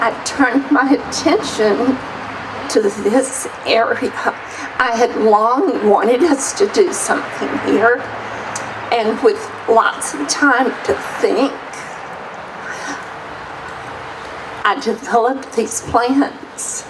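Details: Woman whose shaky voice her doctor attributes to essential tremor: essential tremor voice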